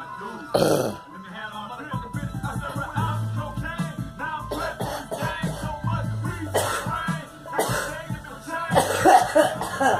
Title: Girl coughing